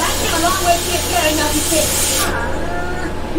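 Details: Spontaneous involuntary echolalia in a woman who likens it to a mild form of Tourette's, often copying sounds, accents or dialect just heard without conscious intent.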